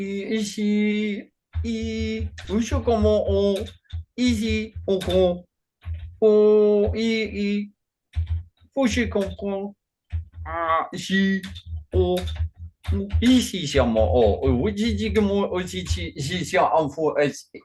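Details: Man with Functional Neurological Disorder and foreign accent syndrome, onset 2019 alongside non-epileptic seizures, accents varying daily without control; today a bout of gibberish with a Chinese-sounding accent. Functional foreign accent syndrome with gibberish speech.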